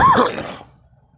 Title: me coughing